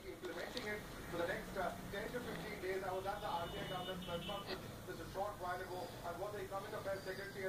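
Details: Baby girl crying for an invalid Rs 500 note as adults coax her in Hindi: repeated high-pitched wailing bursts, other voices faintly behind; infant crying.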